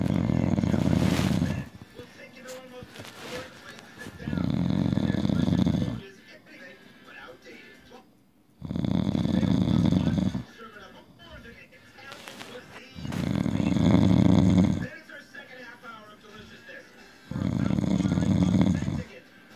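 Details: Drunken loud snoring from an adult man passed out asleep: harsh rumbling snores about every four seconds, roughly 14 breaths a minute, with quieter exhalations between; heavy snoring.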